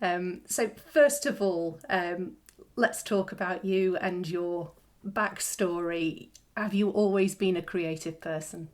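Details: Adult woman speaking; normal voice.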